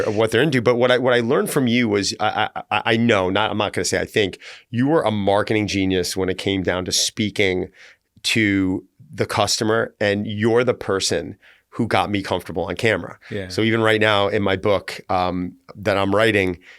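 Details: Adult male speaker who says he stutters and has learned to embrace it; stuttering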